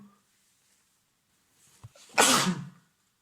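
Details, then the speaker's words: An adult man with a cold sneezes: a brief sharp inhale then one loud, forceful sneeze in a quiet room. "I was pretending I didn't hear it, but of course I did, like, the vacuum cleaner was way too quiet compared to those thunder sneezes."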